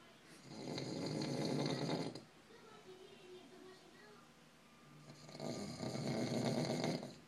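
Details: Adult man, a band member, snoring at night: loud, long, rumbling snores on breathing in, about four to five seconds apart, with quiet breathing out between; heavy snoring.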